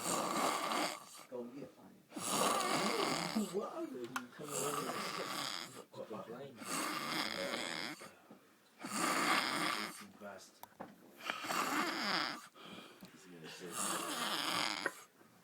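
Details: A sleeping panda snoring loudly: rhythmic rattling snores on each breath, about one every two to three seconds, separated by quiet pauses.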